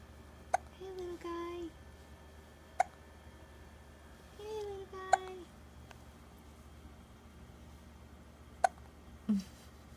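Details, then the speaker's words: Hiccups in a 3.5-week-old baby boy: sharp, brief catches repeating every couple of seconds between soft fussing noises in a quiet room, while a parent talks to him. "We don't like those hiccups, do we? We don't like those hiccups, do we?"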